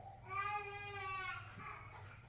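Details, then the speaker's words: One sustained, clear, tonal wailing cry from an unwell young child, fading at the end over quiet room noise, recorded while the parent is also sick; infant crying. "you can hear coop crying he's not well either"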